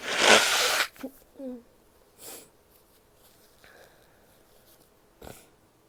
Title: sneezes, a bit of coughing and nose blows (f)